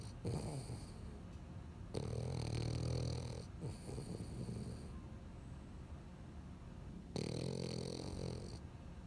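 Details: Loud, rumbling, snorting snores from sleeping dogs, recurring every few seconds with some overlap: heavy dog snoring.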